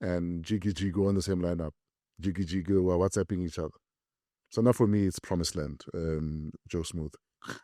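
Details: Adult male speaker; ordinary speech.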